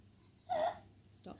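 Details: A single sharp, voiced gulp with a sudden start in a quiet room; hiccups.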